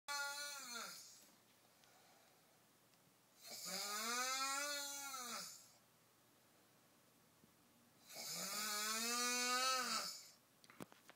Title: Snoring man can't breathe